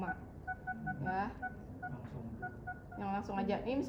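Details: Infusion pump in a nursing skill-lab demonstration, with the rate set to 20 mL/hour. A run of short, even keypress beeps with brief speech. Ordinary device sound.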